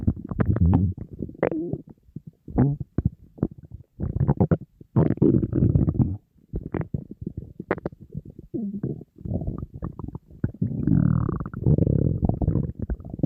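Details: Hunger borborygmi from an empty stomach of a dieting person surrounded by food: loud, nearly continuous low gurgling and rumbling with brief squeaky notes, stomach growling that barely stopped all day.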